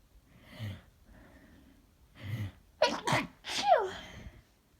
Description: Just a few morning sneezes from this morning I was trying to be quiet by stifling them as people were asleep in the next room and I didn't want to wake them..